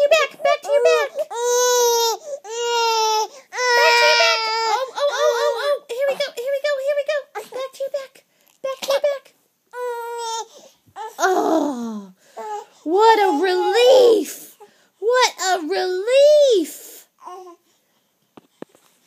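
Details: Baby crying during tummy time while being coaxed to practise rolling: repeated loud, wailing infant cries with fussing in between, as the baby protests lying on its belly.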